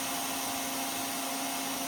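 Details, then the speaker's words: Steady loud hiss with a faint hum as an Air Techniques M5B portable dental air compressor vents from 80 to 60 PSI back through its air dryer to regenerate the media, before restarting at 60 PSI. "it's venting back through the air dryer to regenerate um the media in the air dryer and then it's going to kick back on here at 60"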